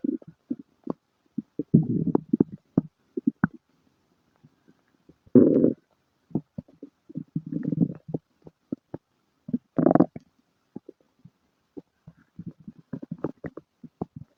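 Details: Active bowel sounds (borborygmi) with diarrhea and flatulence: irregular gurgles, squeaks and short rumbles from the belly, separated by quiet gaps.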